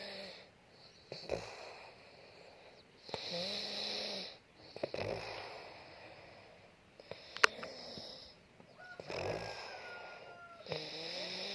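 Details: Brother snoring in sleep: loud, rough snores with each breath, some with a whistling, honking edge, between quieter breaths.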